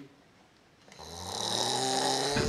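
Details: Snoring: after a quiet moment, a single loud, rising snore with a low buzzing rattle over a breathy hiss.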